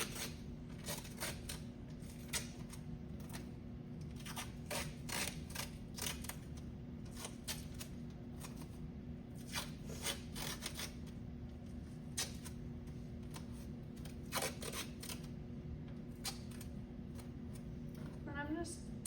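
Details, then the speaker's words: Student nurse during a wound dressing change test-out: crinkling and tearing of paper and plastic wrappers over room hum as a new box of gauze sponges and dressing pads is opened before adding sterile water; packaging being opened. "And then I'm going to open my clean new box of gauze sponges and put some sterile water in. I'm going to open my ABC and my go."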